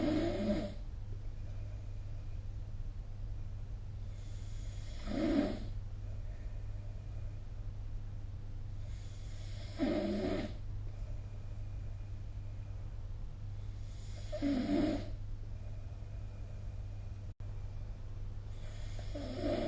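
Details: Human snoring recorded with the SnoreLab app: regular rough snores about every five seconds, roughly 12 to 13 a minute, over a steady low hum.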